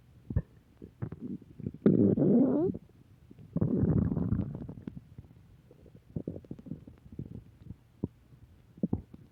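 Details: Recurring stomach growling (borborygmi).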